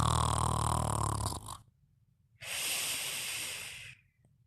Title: Fafa Sleeping & Snoring Part 3